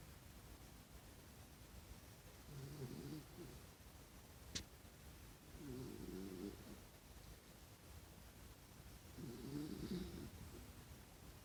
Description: I caught one of my rescue dogs snoring and kicking his feet while he slept.